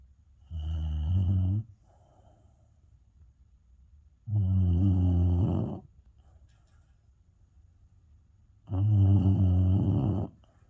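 Loud, low, rattling snores from a sleeping dog, about 14 a minute with quiet pauses between them.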